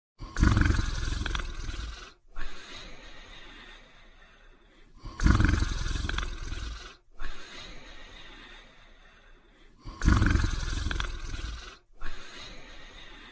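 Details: Loud, rough, rattling snores about every five seconds, each followed by a quieter breath out; snoring in a sleeping person.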